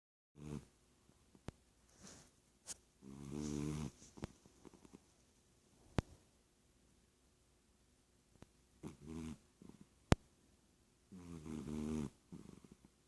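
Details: Female cat snoring while lying on the owner's arm: irregular low, rattling snores in several bursts with sharp clicks and quiet gaps; snoring.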